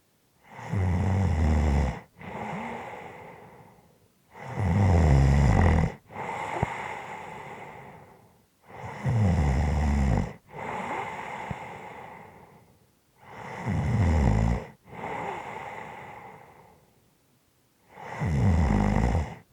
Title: snoring fading to heaving breathing